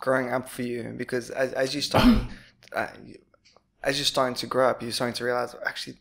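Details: Adult speaker; typical speech.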